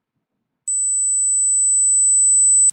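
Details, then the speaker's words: Steady, very high-pitched electronic beep lasting about two seconds, played as the first tone of a high-frequency hearing-age test; failing to hear it suggests hearing loss, and later tones run 10–16.7 kHz. "소리가 들리시죠? 삐 하는 소리가 들릴 거예요. 이 소리가 만약 안 들렸다고 하면 난청이 거의 확실합니다."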